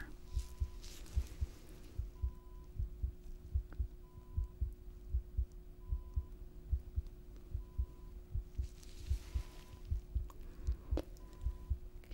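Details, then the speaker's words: Normal carotid pulse heard by stethoscope over the neck arteries on either side during a simulated (ASMR roleplay) nurse head-to-toe discharge exam; regular soft thumps at about 74 per minute. "Take a listen to the arteries on either side. So, just gonna press this right here."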